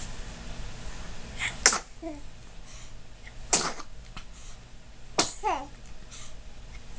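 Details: 3-month-old infant sneezing: three short, sharp sneezes, each a quick burst of air, with faint baby sounds between them.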